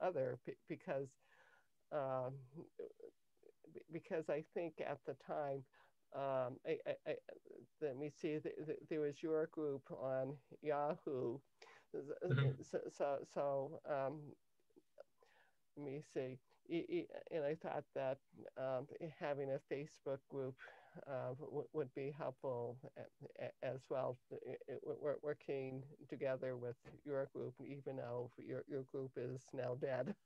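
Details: Adult woman with cluttering since early childhood, diagnosed with a language-area speech problem at age 10 and later identified by her speech therapist as cluttering; trouble organizing thoughts while speaking, needs longer to formulate answers; cluttering.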